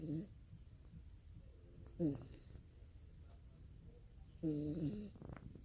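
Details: Someone, rocked to sleep, sleeping with eyes open and snoring: three short buzzing snorts a couple of seconds apart against faint room noise.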